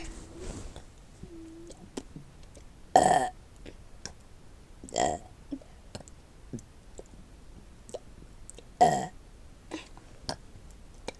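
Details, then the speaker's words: Deliberate burping on camera: three loud burps plus a few softer belches in a quiet room with faint clicks. "let me detain my burp hello I am doing my boyfriend did you hear did you like that box that I did"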